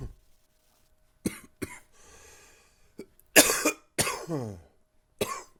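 Several harsh cough bursts, some loose and rattly, with a throat clear; a chesty, congested cough from a cold.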